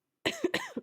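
A brief, harsh adult cough with a voiced, throaty tail and a wet, rattly edge, consistent with a lingering productive cough after a viral illness.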